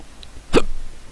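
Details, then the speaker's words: A single abrupt, short gulping hiccup over quiet room noise, from a person with hiccups while narrating a video-game session; hiccup. "battling people slightly easy battling hiccups is the worst"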